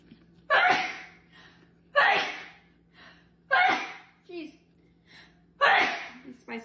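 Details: Four forceful sneezes in quick succession, about one every one and a half seconds, with short breaths between; rapid repeated sneezing.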